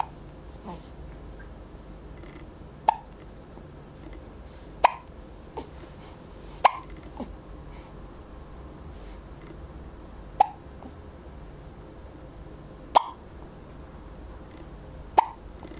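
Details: 4-week-old infant hiccups: six short, sharp hiccups at irregular intervals, roughly every two to three seconds, over steady room noise; ordinary newborn hiccups.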